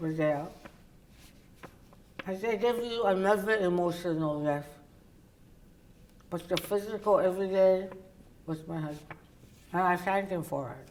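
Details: Adult woman, oral cavity cancer survivor treated with partial glossectomy and tongue reconstruction then radiation; her tongue cannot reach the roof of her mouth; others struggle to understand her; articulation disorder after partial glossectomy.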